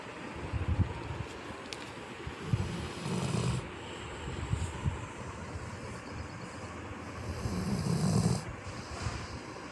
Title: A snoring dog wouldn't wake up 😂🤣 #dog #labrador #sleep #funny